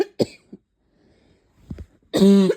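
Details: Short sharp cough bursts, then a loud harsh voiced honking cough, from someone with chest pain, left over after a cold; barking cough.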